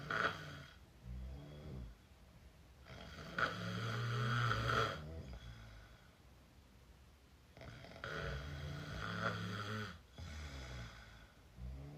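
Loud, low rattling snores come in repeated bursts of about two seconds with quieter breathing between them. This is open-mouth snoring.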